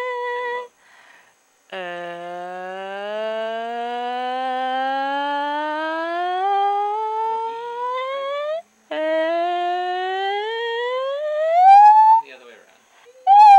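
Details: Adult voice during laryngoscopy; normal phonation.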